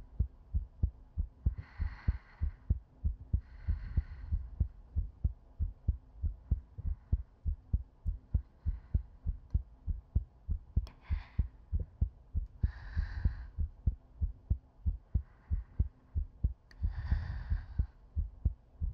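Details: Steady low heartbeat, about 48 beats a minute, with soft slow breaths, as heard with the head on a woman's chest, in a looped ASMR sleep-aid recording; normal heartbeat.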